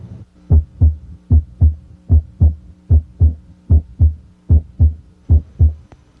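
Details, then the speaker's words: Normal heart sounds with the stethoscope bell at the apex: regular paired lub-dub at about 75 beats a minute. "now switch to the bell of the stethoscope which is more sensitive to low pitched sounds such as S3 S4 and the murmur of mitro stenosis listen at the Apex"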